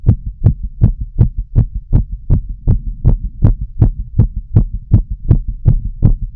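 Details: Regular heartbeat with crisp repeated thumps over a low background rumble, heard by stethoscope during full heart auscultation of a woman smoking a cigarette: heart sounds.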